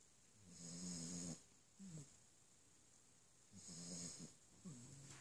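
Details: 8-week-old yellow Labrador puppy: two slow, rattling snores a few seconds apart, each followed by a softer snort, over steady background hiss; ordinary puppy snoring.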